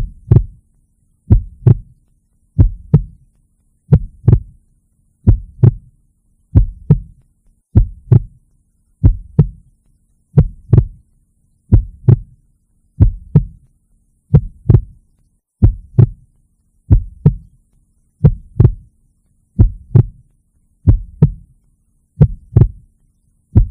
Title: Heart Beating.